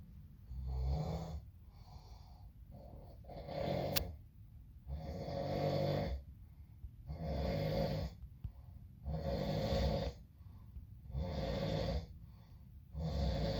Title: When your brother has infections and a clogged up nose and hear him snore...